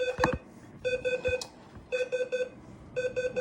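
Repeating groups of three high-pitched electronic beeps, about one group a second, from a bedside monitor alarm.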